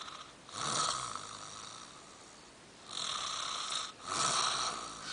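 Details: An elderly woman (grandmother) snoring in her sleep: loud, rasping breath sounds recur with each breath, separated by quieter pauses.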